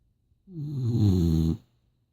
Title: Snoring Boxer